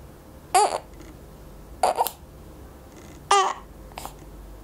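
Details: Hiccups in a 4-week-old infant: three brief, sharp, squeaky hiccups spaced a second or two apart in a quiet room; ordinary infant hiccups.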